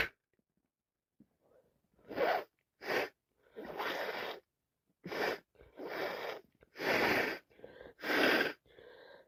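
A run of about six sneezes in quick succession, each with a gasping inhale, in a quiet room; repeated sneezing with allergies and a cold.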